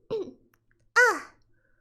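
Two short voiced throat-clearing sounds, the second louder and sharper, in a quiet room: simple throat clearing.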